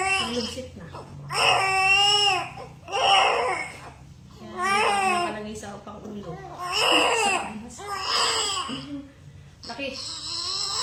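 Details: Newborn baby girl of 3.4 kg, a big baby born by fast normal delivery. Strong, repeated crying bursts with a clear, rising and falling voice just after birth: a healthy newborn cry.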